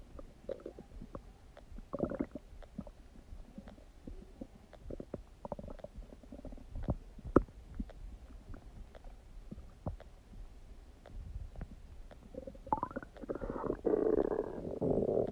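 Frequent gurgles, clicks and a long rumbling gurgle near the end; active bowel sounds of normal digestion.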